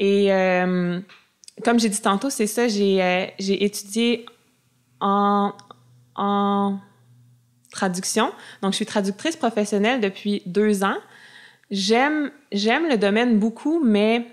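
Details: Adult woman who self-identifies as a person who stutters; stuttering.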